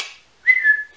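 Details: Brief, sudden high whistle breaking into quiet speech pauses from an adult woman, a whistling vocal tic of a Tourette-type tic disorder, on a very ticky day she links to cold weather.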